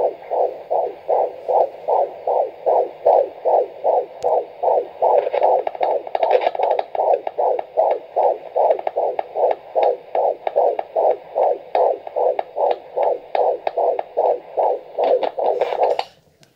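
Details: Fetal heartbeat heard on Doppler for the first time at 15 weeks of pregnancy: rapid, regular whooshing pulses at about 150 beats a minute.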